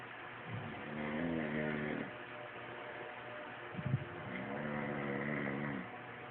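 Two low, buzzy, rattling snores, each on a breath in, with quiet pauses between them.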